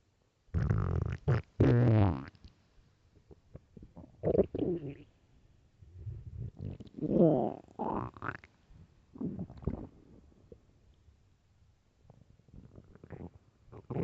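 Loud gurgling, rumbling and squeaking bursts from the gut, irregular and separated by silences; ordinary stomach growling.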